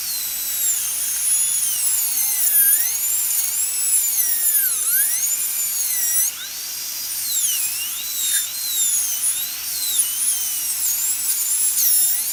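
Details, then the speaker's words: High-speed dental handpiece used to cut a seized handpiece nut off a low-speed Midwest Shorty on a dental delivery unit: continuous high-pitched air-turbine whine, pitch dipping and rising as the bur meets metal. "So I'm going to start cutting here. Okay, so see, I'm just making that incision right there."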